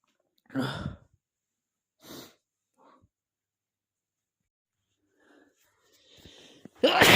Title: 1.0: You Are (Not) A Stifler [M, Random + cold sneezes]